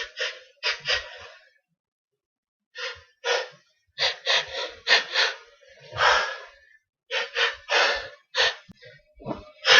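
Several sharp, breathy bursts with gasping inhalations between them, a run of sneezes in an adult with a cold.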